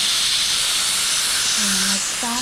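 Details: Magnetostrictive ultrasonic scaler used on a typodont's mandibular anterior teeth, operator seated at 9 o'clock, tip face adapted with tapping motion, dental hygiene training demonstration: steady loud water-spray hiss with faint high whine.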